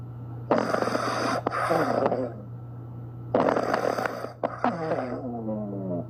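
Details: Loud snoring from puppies sleeping soundly.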